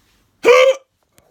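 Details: Adult who thinks they ate too fast; a single abrupt voiced gulping sound, cut off sharply, in a quiet room; hiccup.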